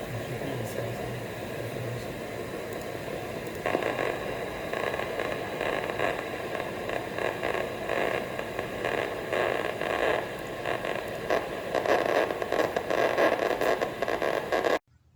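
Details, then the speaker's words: Microelectrode recording of globus pallidus internus (GPi) neuronal firing during deep brain stimulation surgery for dystonia: steady static hiss with rapid crackling bursts, recorded while electrophysiologists moved the limbs and occasionally stimulated, to target lead placement. "Each of these surgeries, the surgeons insert a microelectrode recorder to map my GPI, or globus pallidus internal neuronal activity."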